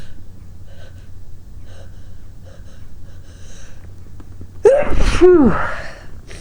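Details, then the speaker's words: Deliberately induced sneeze, provoked with a basil plant stalk in the nose and caught in a grey striped hanky; quiet room, sharp indrawn gasp, then one forceful explosive sneeze with voiced trailing cry. "I'll have to induce when I want to sneeze for you and today I'm today I'm using a silk of a Bassel plant and I'm trying to catch the sneezes in a big gray hanky with some stripes on"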